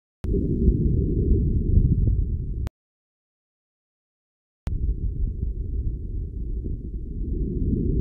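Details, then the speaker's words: Normal vesicular breath sounds in a healthy person, stethoscope diaphragm moving up from lung bases, arms raised for costal and subaxillary areas: soft, low rustling, same intensity and tone on both sides. "we should perceive normal breath sounds with the same intensity and tone on both sides"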